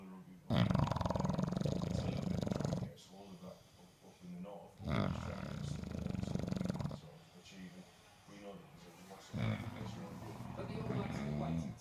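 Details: English bulldog snoring while asleep: loud, rough, rattling snores on each breath, about five in twelve seconds, with a harsh fluttering quality.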